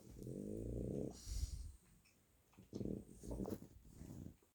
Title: Snoring Kenn! Turn up the volume 😂🐶 #adoptdontshop #adoptme #frenchbulldog #cute #dog